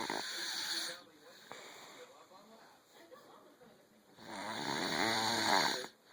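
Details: A person asleep snoring like a baby bear: loud, rattling snores on breathing in, separated by a few quiet seconds; snoring.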